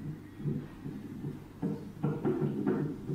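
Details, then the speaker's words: Fetal heart sounds picked up by the FHR transducer, with gel, of an MCF-21K portable CTG fetal monitor: rhythmic whooshing Doppler pulses at about 150 a minute, within the normal 120–160 range. "apply certain amount of ultrasound gel on the fhr transducer move it slowly around the fetus site until a clear heartbeat sound is heard check the FH our signal is maximum and reading is between 120 to 160"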